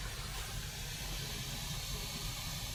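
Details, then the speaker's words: Wall suction regulator on regular suction set to 100–150 mmHg, aimed at about 120 mmHg, for tracheostomy suctioning in a nursing skills demonstration: a steady hiss with a low rumble. "p but we're not going to keep that on because it's a little loud and then we're also going to do regular suction and we're going to do between 100 and 150 millimeters of mercury"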